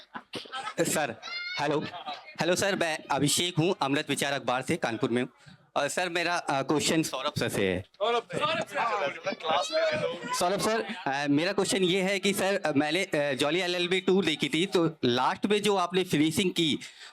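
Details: Adult man speaking Hindi; normal voice.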